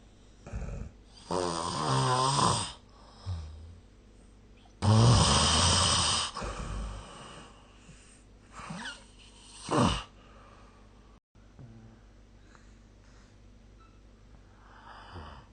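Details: Loud rattling snores on inhaled breaths, separated by quieter breathing and pauses, in a quiet room, recorded with the SnoreLab snoring app.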